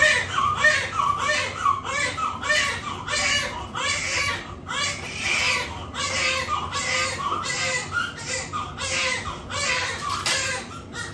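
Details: Loud, sustained, rhythmic crying in repeated bursts from a newborn just after birth following a normal pregnancy; a strong, vigorous newborn cry.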